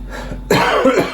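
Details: Adult coughing while wiring a caravan battery and powering on the BMS: a single harsh cough burst with a throat-clearing quality, in a quiet indoor room.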